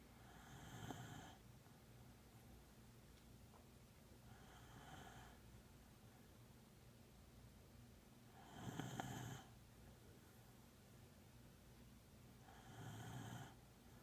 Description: My female beagle snoring